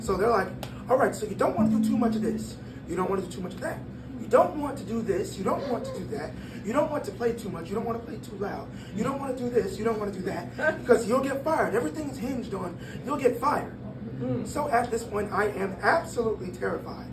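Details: 22-year-old man born prematurely at about one pound whose vocal cords had to develop as he grew and still do not close all the way; breathy dysphonia.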